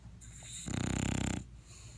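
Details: Dog, female, snoring in sleep: one loud, rattling, fluttering snore on an in-breath, with quiet breathing before and after; snoring.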